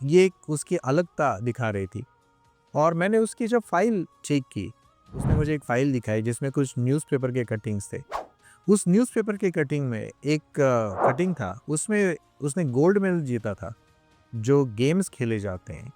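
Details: Adult speaker; ordinary speech.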